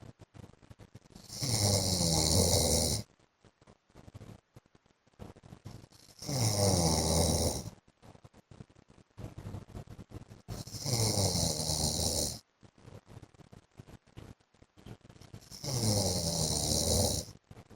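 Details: Adult man asleep: loud, rough, rattling snores on each inhalation, about 13 breaths a minute, with quieter breathing and snorts between them; snoring.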